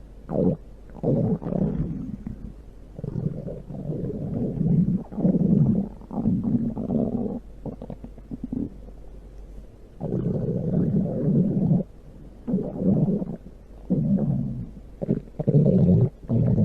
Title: Stomach growl (big sound)